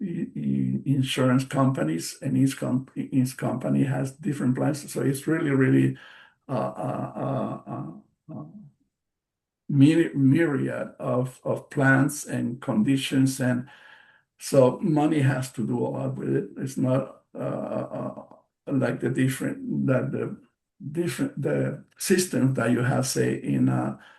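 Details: Post-stroke aphasia in an adult male stroke survivor, a non-native English speaker, speaking English: aphasia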